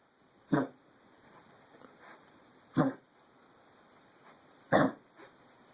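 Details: Three sharp, harsh coughs from a dog, spaced a couple of seconds apart, with quieter sniffing in between; cough.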